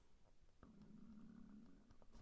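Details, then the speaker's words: Adult's stomach rumbling audibly during a crafting tutorial; the speaker apologises that it is persistent; borborygmi. "I'm sorry, my stomach is rumbling and I don't know whether you can hear that, but it is really going for it. It's like wants a whole conversation."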